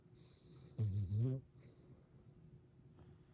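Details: Snoring King Charles dog in deep sleep, napping on a snowstorm day: a single low, rumbling snore lasting about half a second over quiet room noise.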